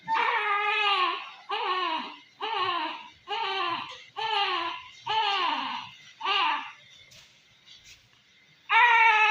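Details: Newborn under NICU observation after C-section delivery makes short, moaning voiced sounds with nearly every breath out, a sign of respiratory distress: expiratory grunting in newborn.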